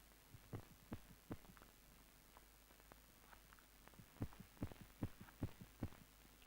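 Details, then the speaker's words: 1970s antenatal clinic: a midwife listens through the mother's abdomen in the later stages of pregnancy. Fast, soft, regular thumping at about 150 a minute: a normal fetal heartbeat. "a midwife will examine your abdomen carefully to assess the growth and position of baby and she will listen to the sound of baby's heartbeat"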